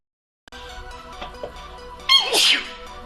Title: tabs sneezing